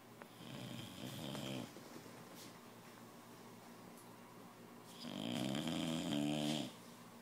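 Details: Puppy asleep in a very strange position, said to snore louder when awake: two rough, buzzing snores about four seconds apart with quiet breathing between; snoring.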